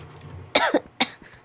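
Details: Two short, harsh coughs in quick succession from a young woman who says she has caught a cold again; coughing.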